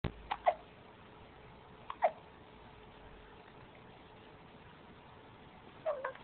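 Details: A baby gives three sharp, brief gulping sounds spaced a couple of seconds apart in a quiet room; repeated hiccups.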